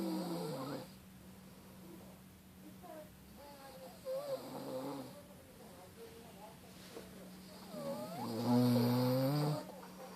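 Low droning snores with a rough, fluttering quality, separated by quieter breathing, in a quiet room; ordinary snoring.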